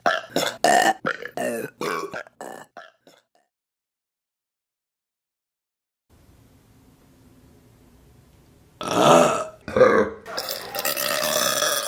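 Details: Burping compilation of women, May 2025: a rapid run of short burps, then a pause and several longer, louder drawn-out belches.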